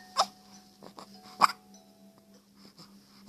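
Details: Two sharp, abrupt hiccup sounds about a second apart over a steady background hum, from a baby: hiccups.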